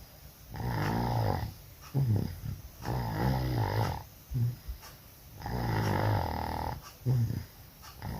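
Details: Very loud snoring during sleep while sick with flu and cough: loud, rough snoring on each breath, about 12–13 breaths a minute, with snorting catches.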